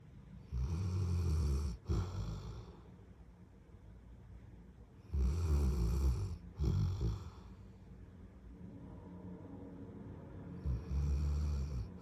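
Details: Sleeping Golden Retriever snoring: deep, rattling breaths in slow bursts, roughly thirteen a minute, with quieter breathing between them.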